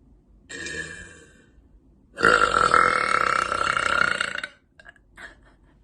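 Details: Woman releasing long, loud burps: a short belch followed by a loud, sustained belch lasting about two seconds.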